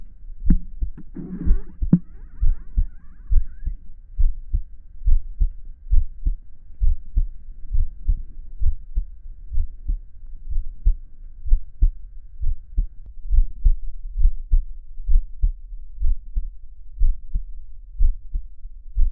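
Steady low thumping heartbeat at about 67 beats a minute, with a brief rustle near the start; a normal resting heartbeat.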